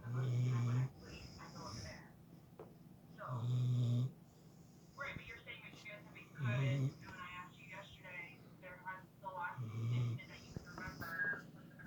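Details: A 5-year-old red-nose pitbull asleep in bed snores: deep, rumbling snores about every three seconds, roughly 19 a minute, with quieter snuffling between; steady sleep snoring.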